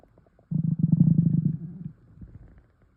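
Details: Low gurgling stomach rumble of about a second and a half, fading out, from swallowed air; stomach rumbling due to air swallowing.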